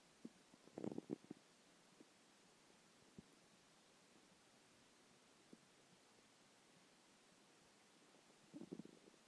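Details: Skipped lunch; quiet low gurgling rumbles at the start and end with near silence between: hunger stomach growling (borborygmi).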